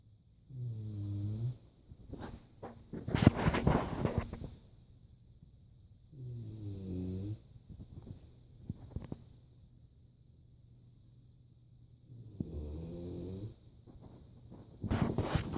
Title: Nap time .... snoring